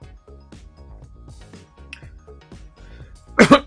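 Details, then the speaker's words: An adult commentator who says he is still full of cold and unwell gives two quick, loud cough bursts over steady background music: cough. "you'll have to excuse my voice and coughing folks i'm still full of cold still not well so um i'm doing the best i can"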